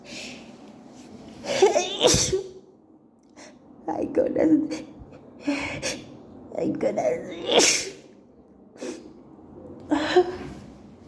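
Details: Allergic sneezing fit at work after an allergic reaction in a co-worker's bathroom, with night allergies: repeated forceful sneezes, each after a sharp indrawn breath, about five in ten seconds, with words between.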